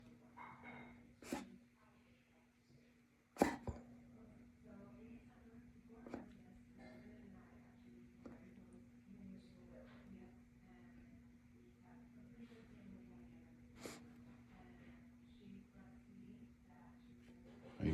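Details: A dog gives a few short, sharp, scattered coughs over a steady room hum; cough.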